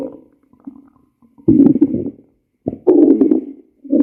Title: Stomach growl